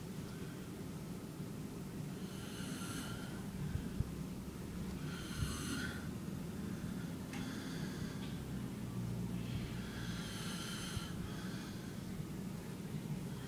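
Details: Dad snoring: low, rumbling snores with a breathy hiss, roughly every three to four seconds, over a steady background hum.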